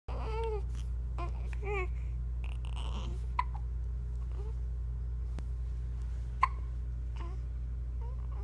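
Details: An infant hiccups repeatedly, each hiccup a brief, abrupt voiced squeak, over a steady low hum.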